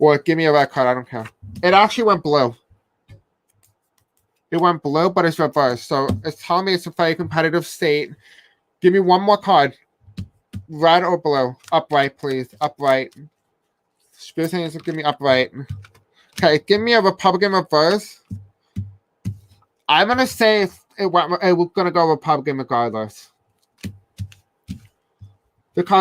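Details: Deaf speech from an adult man who says he has a deaf accent and may have a hard time pronouncing certain words.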